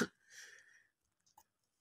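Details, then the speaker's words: Adult female who says she is slightly unwell coughs while teaching a recorded math lecture; cough. "मेरी थोड़ी तबीयत खराब है तो इसको इग्नोर करें मेरी आवाज को मेरी खांसी को"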